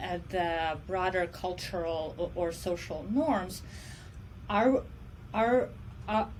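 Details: Adult woman who says she stutters and considers stuttering her disability; stuttering.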